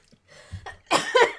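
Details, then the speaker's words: A couple of short, loud coughs mixed with laughter from an adult, set off by laughing at a joke during a coloring session; an ordinary cough. "making me cough. May you crack me up."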